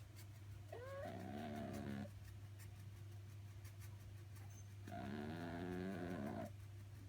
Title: Exotic kitty Sophie snoring